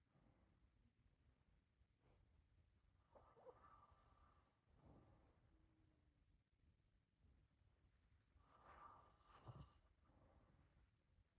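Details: Snoring during sleep: two rough, snorting breaths about five seconds apart over a low background rumble.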